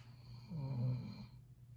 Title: Catahoula snoring